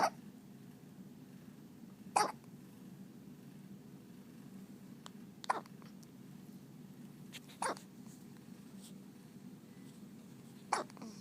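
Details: Little hiccups: five brief, sharp hiccup bursts a few seconds apart over quiet room noise.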